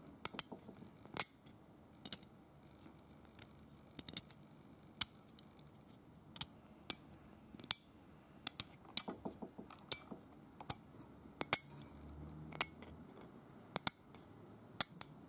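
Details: Simulated hand scaling on a painted teeth model, not real tartar: sharp metallic scraping clicks of a hand scaler scraping deposits off teeth; described as aggressive scaling.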